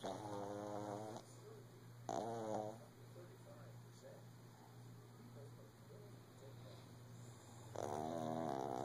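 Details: Shih tzu lying down early in the morning: loud, buzzing snores with a steady hum and soft snuffling between breaths; snoring.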